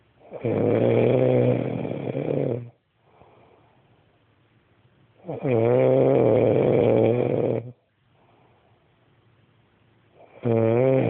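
Loud rattling snores with quieter breaths out between them, about 12 breaths a minute.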